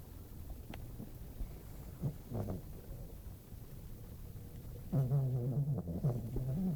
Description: My dog snores when she sleeps. I heard my dog snoring down the hallway with my door closed, so i decided to go record her.